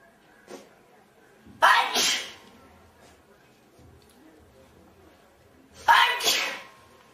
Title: Four girls sneezing